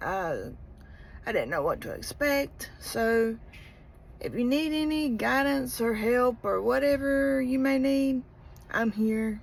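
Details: Spasmodic dysphonia in a woman, present for about 17 years, which began during pregnancy; treated with Botox injections to the vocal cords, and she reports having to force air out to talk.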